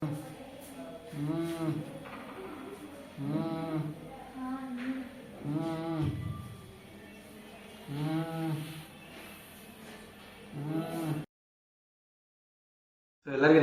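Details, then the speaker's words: A 65-year-old woman with sudden breathing difficulty for two days makes loud, harsh, whistling noisy breaths about every two and a half seconds: inspiratory stridor from vocal cord paralysis. "ಉಸರಾಟ ಆಗಬೇಕಾದ್ರೆ ಒಂತರ ಸ್ವೈ ಸ್ವೈ sound ಬರ್ತದೆ so ಆ sound sound like Asma patient ಒಳಗೆ ವಿಸಿಂಗ್ ಅದು"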